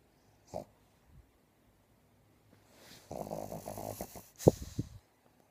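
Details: Dog sleeping on its owner gives one long, rattling, fluttering snore on a breath in, preceded by a soft snort, in a quiet room: ordinary snoring.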